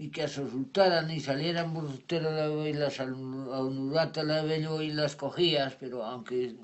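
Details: Male Spanish-speaking patient after an ischemic stroke caused by an operation; impaired comprehension, meaningless and invented words forming jargon, with some correct information kept; Wernicke's aphasia.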